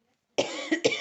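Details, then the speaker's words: Adult woman with a slightly hoarse voice she attributes to spring allergies gives a short burst of about three coughs after a moment of silence. "vous devez l'avoir entendu ma voix je suis un petit peu enrouée ce sont les allergies printanière"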